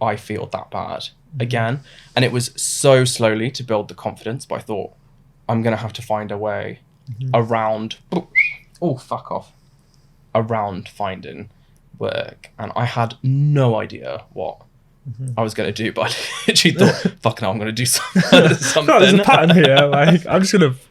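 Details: Adult man diagnosed with Tourette syndrome in his mid-twenties (about 26), with vocal tics starting about two months after onset; involuntary, unplanned swearing and words interrupt speech; vocal tics with coprolalia (Tourette syndrome).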